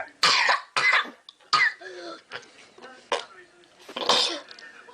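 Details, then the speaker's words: Several loose, rattly wet productive cough bursts from a child, with mucus, which can indicate a chest infection or common cold. "Number दो होता है wait या productive का। इसमें mucus या बलगम आता है जो चेस्ट इनफेक्शन या कॉमन कोल्ड का इंडिकेटर हो सकता है।"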